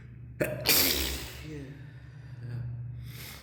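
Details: Single loud explosive sneeze after a quick sharp intake of breath, part of a sneezing fit caught while climbing stairs, recorded in a stairwell with reverberant echo.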